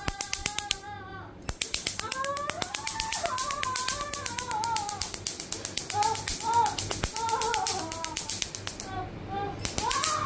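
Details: Laser tattoo removal session on a partly faded owl tattoo after several prior sessions; rapid sharp snapping laser pulses about four per second, with the person's voice rising and falling over them.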